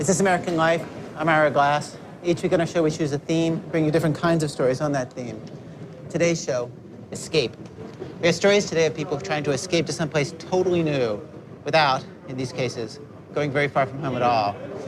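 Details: Adult male speaker; typical speech.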